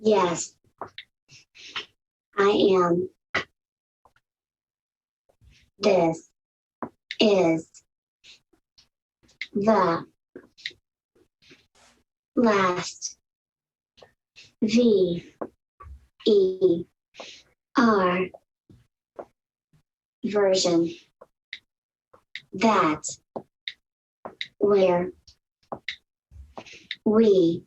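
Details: Adult woman with mixed cerebral palsy since birth who uses AAC, speaking with her own voice: dysarthria (cerebral palsy).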